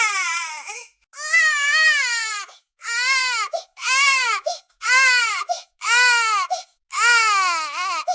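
Repeated wailing cries of a newborn, each about a second long, separated by brief pauses and quick catch-breaths.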